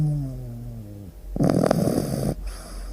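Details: Labrador retriever Luna, sleeping, gives a soft whistling breath then one loud, rattling snore.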